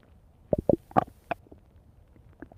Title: Lupi's stomach growling in 3 minutes 5 seconds